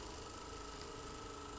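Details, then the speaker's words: Percussion massage gun started and its power stepped up through levels 2 to 10 to high speed: a steady high-speed motor hum with a fixed buzzing tone. "तो चलिए अगर मैं जैसे machine को start कर दिया मैं पावर badhaunga 2345678910 तो यह हाई स्पीड में हो गई रोकना चाहूं तो नहीं रोक सकता है"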